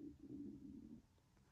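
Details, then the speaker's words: Adult in their early fifties, hunger-related stomach rumbling: a low gurgling rumble about a second long, fading into quiet room noise; borborygmi. "Oh, did you hear that then? That was my tummy rumbling. It's about that time of day."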